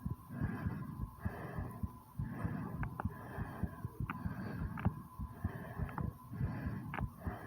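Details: Rapid low heartbeat thumps under heavy, rhythmic breathing after 20 squats; a normal fast heart rate after exercise.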